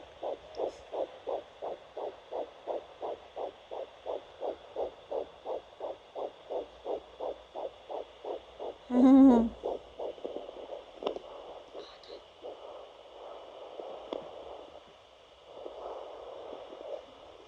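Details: Early fetal heartbeat at 9 weeks 6 days on a Sonoline B Doppler: rapid, regular whooshing pulses, far faster than an adult's.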